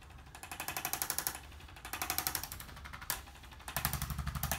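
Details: Percussive chiropractic adjusting instrument on the upper back of a seated male patient with prior knee surgery and asthma: rapid mechanical buzzing taps, about four per second, in short bursts.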